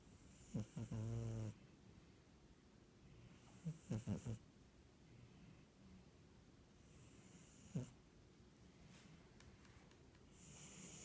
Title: Snoring Cairo